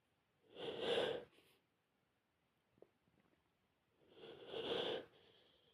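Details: Two sharp, deliberately induced sneezes about four seconds apart, each a sudden burst of air after a brief intake; sneezing.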